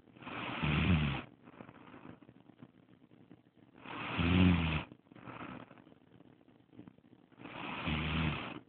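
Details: Woman snoring while asleep although she claims she does not snore; deep, rattling snores on each in-breath, softer out-breaths, about 3.5 seconds apart, roughly 17 breaths a minute; snoring.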